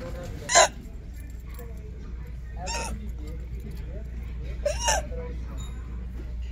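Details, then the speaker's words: Adult walking around a store: three abrupt, sharp voiced gulps a few seconds apart over store background noise; repeated hiccups, a recurring problem for several years that nothing has stopped lately. "I'm in Mississauga Ontario shopping that Dollarama with my mom and my hiccups I started so I thought I would walk around while she shops and do this video let's see what happens there's mom shopping"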